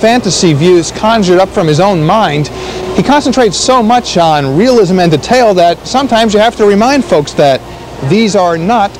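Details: Adult narrator; ordinary speech.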